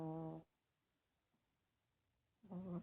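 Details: Two loud rumbling snores separated by about two seconds of silence from a sleeping 20-year-old dog; ordinary snoring.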